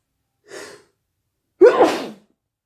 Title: wet sneezes